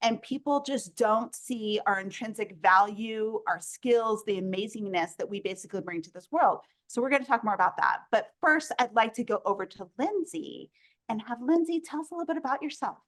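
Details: Adult woman speaking; ordinary speech.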